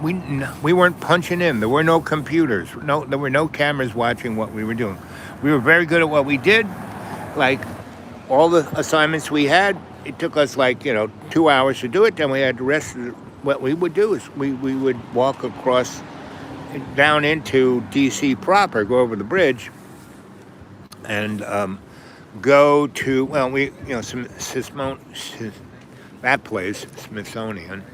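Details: Self-reported stuttering, occurring when he gets stuck on a word.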